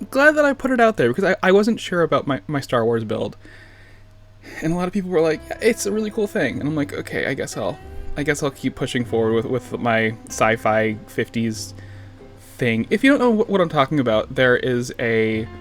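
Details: Stuttering in an adult man who says he has a stutter; the clip contains word and phrase repetitions.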